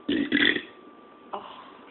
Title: Burping problem